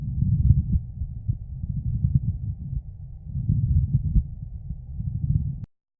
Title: Lung Sounds - Pleural friction rub #Lung